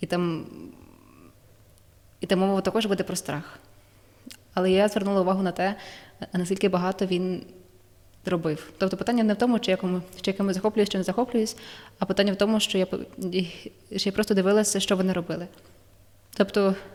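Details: Woman who stutters, more so when nervous; stuttering.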